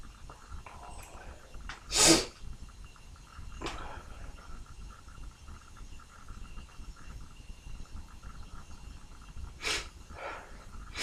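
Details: Sneezing, Wednesday morning: a sharp sneeze followed by smaller sneeze-like bursts and snorts over steady background noise; repeated messy, spraying sneezes.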